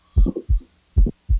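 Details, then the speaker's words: Loud systolic ejection click in a teaching audio clip: low heart sounds with a sharp extra sound just after S1, an early systolic click linked to bicuspid aortic valve or pulmonary stenosis. "One more time. That is ejection click."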